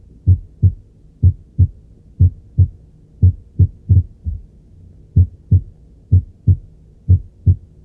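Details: Heart auscultation showing ventricular extrasystoles: low heart sounds at about 60 a minute with an irregular rhythm, early beats followed by pauses.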